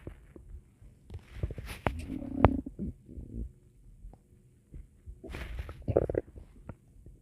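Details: Stomach growling (borborygmi): irregular low gurgling and rumbling with bubbly squeaks in a quiet room.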